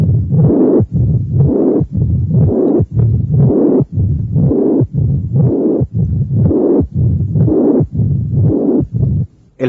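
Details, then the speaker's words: Combined mitral stenosis and mitral regurgitation at the cardiac apex (teaching example 13): faint first and second sounds, loud high-pitched slightly harsh systolic murmur, and low rumbling mid-diastolic and presystolic murmurs. "hay un soplo sistólico e intenso de tonalidad alta pero ligeramente áspero además de soplos retumbantes en la mesa diástole y pre sístole estos hallazgos corresponden a los de estenosis mitral con insuficiencia"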